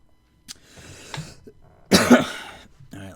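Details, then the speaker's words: Cough from an adult gamer recording commentary, saying it is as bad as it gets for him. "and yes you can hear my cough this is as bad as it gets for me"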